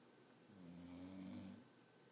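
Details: Recorded on an iPhone: a single low, rumbling, buzzing snore on a drawn-in breath, rising and fading over about a second, against quiet room noise.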